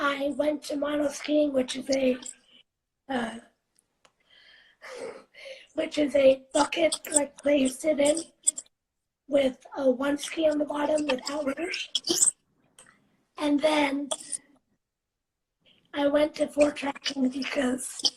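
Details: 17-year-old girl living with cerebral palsy, speaking spontaneously in a live interview; her speech transcribes as broken and garbled; dysarthria (cerebral palsy).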